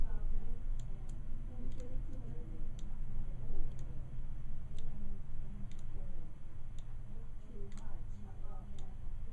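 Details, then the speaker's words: Soft, sharp irregular clicks over low room rumble from an Omnipod insulin pump pod priming, pushing insulin to the cannula tip during a roughly 40-second start-up diagnostic test. "Okay. I hear it clicking. Yep. So right now the insulin is going to the tip of the cannula. Right."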